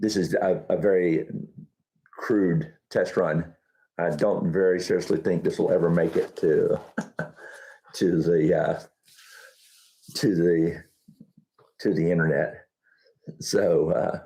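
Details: Adult man with Huntington's disease, about 10–12 years after diagnosis, real patient, who reports that talking is now challenging and his thought process is less methodical than before: dysarthria and disfluency in Huntington's disease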